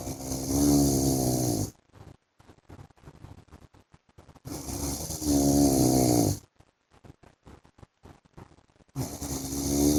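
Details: Adult husband snoring during sleep: loud, rough snores on each breath in, roughly 13 a minute, with quiet pauses between them.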